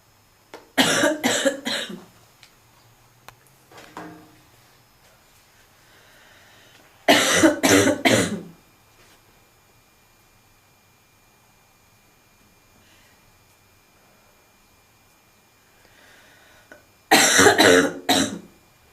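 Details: Three bouts of harsh, barking coughs, three or four bursts each, separated by quiet pauses, from a female smoker with a seasonal smoker's cough.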